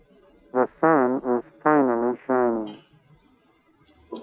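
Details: A spoken sentence ("The sun is finally shining") sounding muffled, quiet and narrow, with the lows cut like a telephone line. A single-sided-deaf MED-EL cochlear implant user matched it in his normal-hearing ear: cochlear implant simulation.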